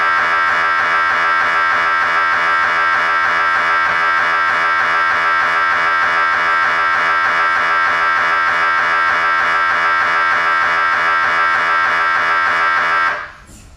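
Loud, rapid, steady buzzing hum, about 220 pulses a minute, that stops abruptly near the end: typical MRI scanner gradient noise.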